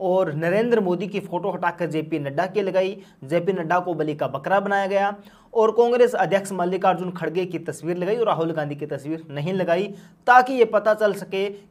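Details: Adult speaker; Typical speech.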